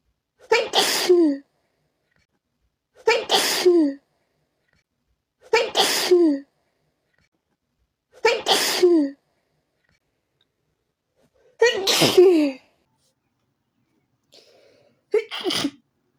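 Six forceful sneezes in a row, each with a sharp in-breath and explosive release, spaced a few seconds apart: a sneezing fit.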